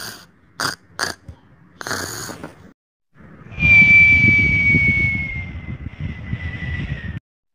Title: My funny snoring sound